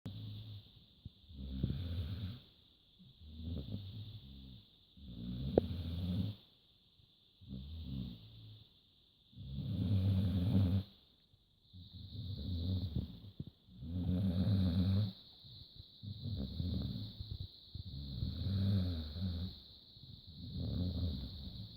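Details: Deep-sleep snoring from a Hungarian Vizsla dog: steady low rumbling snores with each breath, about 14 a minute, over a constant high background hum.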